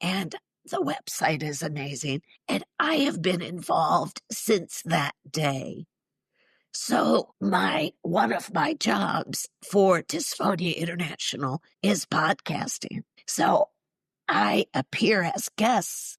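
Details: Woman in her mid-60s, former choir singer and special education teacher, with neurological spasmodic dysphonia involving the basal ganglia, plus essential tremor; affects vowels and weakens the voice; treated with Botox injections to the vocal cords; spasmodic dysphonia.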